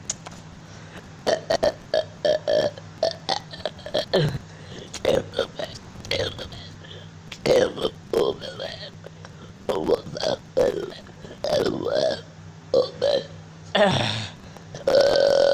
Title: Jingle Bells burping 2